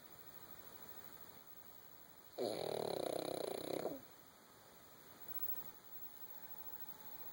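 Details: Female puppy snoring, not at her loudest: one drawn-out, fluttering snore lasting about a second and a half against quiet room hum.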